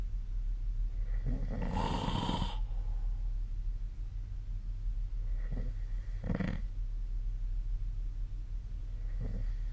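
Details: Snoring recorded overnight by a snore-tracking phone app during sleep: a loud rattling snore on breathing in, then fainter, shorter snores over steady room hum.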